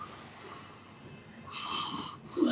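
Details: A man snoring: a single rough, snorting breath rises out of quiet room noise: snoring.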